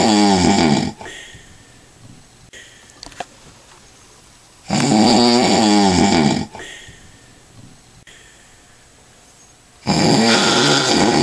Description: My dad after drinking lots of alcohol